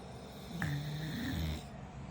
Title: Snoring w dad #funnyshorts #toddlerlife #trending #dadlife #snoring #memes #trending